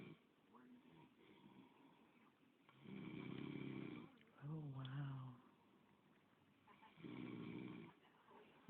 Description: My girl swear I be snoring. Talking shit while catching me